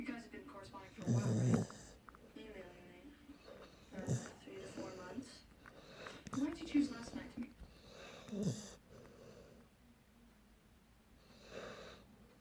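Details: Low, irregular rumbling snores with snorts during sleep over faint room noise, recorded in the sleeper's favorite snoring spot; snoring.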